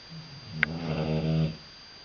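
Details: Sleeping British Bulldog snoring loudly: a single low, rattling snore with a faint background hum.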